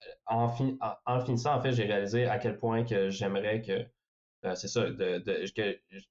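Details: Young adult man who stutters, speaking French; stuttering.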